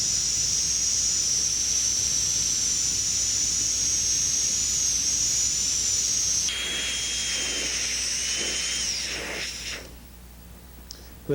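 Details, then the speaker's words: High-speed dental drill with a very thin diamond slicing the interproximal area while preparing a maxillary second bicuspid for a porcelain-fused-to-gold veneer; continuous high-pitched whine changing pitch as it cuts, then winding down and stopping. "so the very thin Diamond will be used to open up that in a proximal area if you're careful you can slice this very easily without cutting the adjacent tooth"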